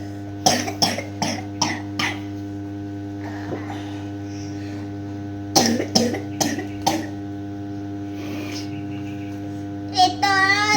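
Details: Young girl coughing, blamed on drinking too much iced drinks: repeated short, sharp coughs in two clusters against steady room hum.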